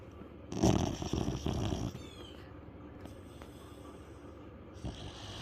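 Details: Very loud dog snoring: a loud, rough snore with a snorting quality, followed by quieter breathing and a softer second snore.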